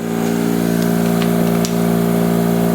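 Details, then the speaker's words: Dental air compressor switched on and running: steady, very quiet low motor hum with a constant drone and faint clicks, quiet enough that speech is clearly heard even right up close. "And we're going to turn it on. And that's as loud as it gets. You can see, you can clearly hear me, at least I hope you can. And right up on it, it's very quiet."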